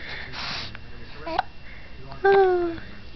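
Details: Baby girl with hiccups: quiet breathing, then an abrupt catch followed by a brief voiced squeak; hiccup.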